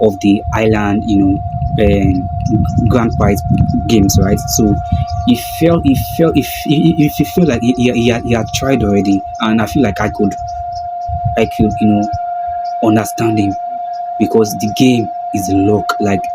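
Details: Stuttering in an adult man who calls himself a stammerer; this stretch has a broken word and a repeated word.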